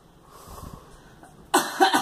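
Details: A quiet moment, then a quick run of about three sharp coughs from a girl.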